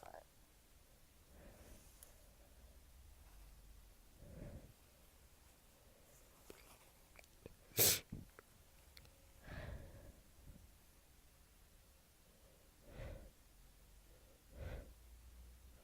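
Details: Person with a cold/flu, very congested and stuffy, with fever, sore throat, cough, dizziness and loss of taste: a sharp, sudden sneeze among soft breathy snorts and sniffs.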